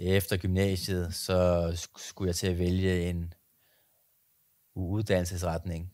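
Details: Adult Danish speaker who stutters; stuttering.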